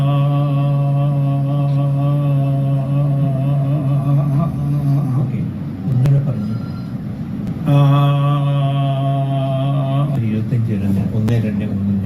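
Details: Isolated voice tremor in a patient repeating a sentence and sustaining 'la la la' on one tone, with rhythmic, tremor-like interruptions of the voice; can be confused with spasmodic dysphonia.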